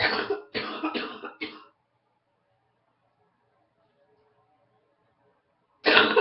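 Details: Morning cough after waking up congested with a cold: four quick, harsh coughs in a row, then silence and one more cough; cough with head cold.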